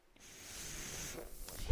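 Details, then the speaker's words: Mechanical ventilator of a podcaster speaking: soft, rising hiss of airflow with a faint click, rhythmic ventilator breath sound. "That noise you're hearing is my ventilator. And welcome to Page Turners They Were Not My Star Wars podcast."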